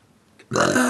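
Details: During a burping contest among friends, a loud, sustained, rough burp begins after a quiet moment and runs to the end; burping.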